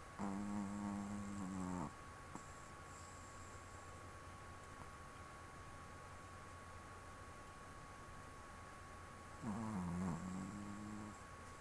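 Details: Female Chihuahua sleeping around midnight: two low, rumbling snores about eight seconds apart over steady room hum; ordinary snoring in a small dog, human-sounding.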